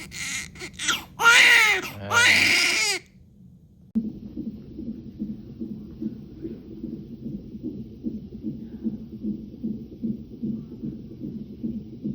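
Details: Newborn crying in hospital after delivery: high, wavering cry for a few seconds, then muffled low background sounds; normal newborn cry.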